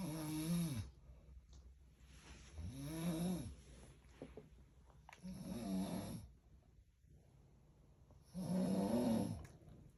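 Loud rattling snores on each breath in, about four in ten seconds, with quiet breathing between; ordinary snoring.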